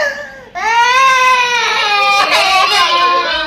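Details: A baby cries in one loud, sustained, high-pitched wail after a brief softer whimper, reportedly crying for a sparrow.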